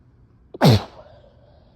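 A brief catch of breath, then one forceful, wet-sounding sneeze.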